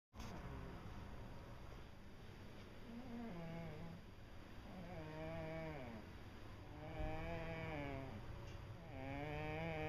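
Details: Soft, whistling, tonal snores rising and falling about every one and a half seconds over a steady background hiss, from a sleeping female cat that snores often.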